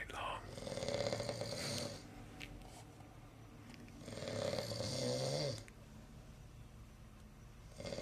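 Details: Snoring: two long, raspy snores about four seconds apart, with quiet breathing between them; recorded in 2013.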